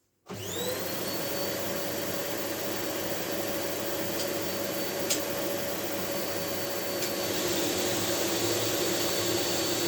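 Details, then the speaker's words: Homemade low-cost wooden negative pressure box ventilator for Covid-19/COPD, driven by a domestic vacuum cleaner, switched on with homemade manometer engaged while a volunteer lies inside: steady loud vacuum roar with fixed whine starting abruptly. "Right, well, I'm going to turn the vacuum on now and engage the manometer."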